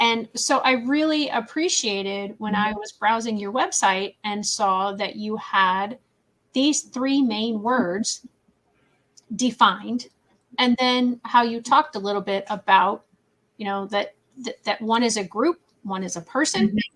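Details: Adult woman; typical speech.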